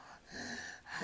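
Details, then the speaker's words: Sleeping child with obstructive sleep apnoea, tongue falling back during sleep: a brief quiet pause of breath-holding, then a sudden noisy gulping gasp as breathing resumes, one of repeated episodes. "he's still holding his breath and that's going to gulp again there he goes"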